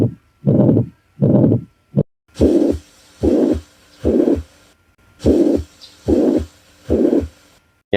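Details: Cardiac auscultation on an adult male patient in a clinical-skills exam demonstration: regular whooshing bursts at about 80 a minute, each beat carrying a harsh murmur from turbulent blood flow; heart murmur.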